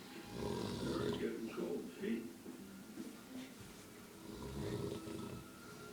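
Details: Old man filmed around 7:40pm: loud, rough, rumbling snores with repeated throaty rattles on the in-breath; loud snoring.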